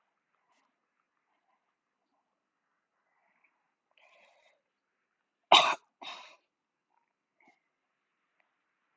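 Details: Two short coughs in quick succession in an otherwise quiet room, from an adult who says they are ill and apologises for the coughing.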